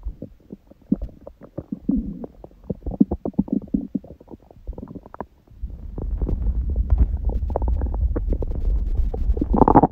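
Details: Belly sounds after a first meal at 16:00 (water-only fast since 19:00 the previous day) and after ab exercises, on a raw-food diet: frequent gurgles, pops and rumbles growing louder and more continuous; active bowel sounds.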